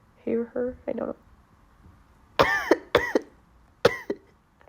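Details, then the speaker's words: Person with allergy sneezing fits, possibly from their cat, coughing repeatedly while talking: several short voiced coughs in small clusters with quiet breaths between. "sorry I don't know why I'm coughing so much but yeah it's really hard talking with when you when you have to sneeze"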